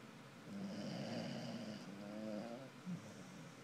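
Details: Rattling, whistly snores with a short snort at the end from a sleeping Corgi-mix rescue dog; ordinary dog snoring.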